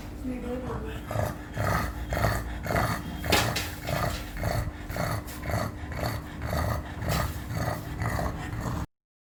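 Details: Flat-faced dog with respiratory distress: rapid, rhythmic snorting breaths, noisy upper-airway stertor.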